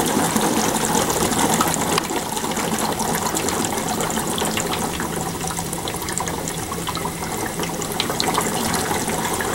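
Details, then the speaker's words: Continuous gentle bubbling and gurgling in suction control chamber A of an Atrium chest tube drainage system connected to wall suction during setup; gentle bubbling is expected. "so what you should see is bubbling in chamber a they always talk about a gentle bubbling"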